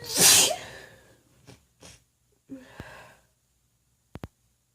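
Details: Female, unmuffled sneeze prompted by tickling with a feather: one loud, hissing sneeze, then a few soft breaths and faint sounds, and two sharp clicks at the end.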